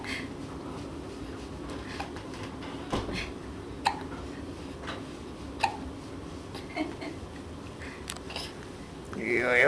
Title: Kicking with Hiccups